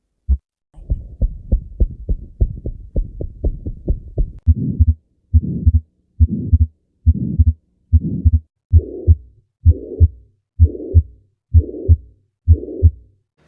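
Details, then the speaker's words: Normal heart sounds through a stethoscope, audio taken from an online source; steady low lub-dub heartbeat about 64 beats a minute. "तो चलो आज मैं तुम्हें सुनाता हूं कि रियल हार्ट बबीट कैसी सुनाई देती है।"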